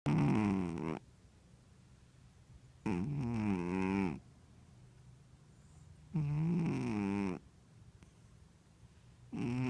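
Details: Snoring in a sleeping Ragdoll cat (female), said to snore when really relaxed: loud, rattling, low-pitched snores with each breath, about 19 breaths a minute, with quiet pauses between.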